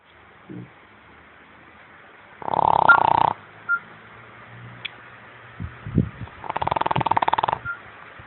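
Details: A sleeping dog snoring: two loud rattling snores with softer snorts and sniffs between them, in a quiet room.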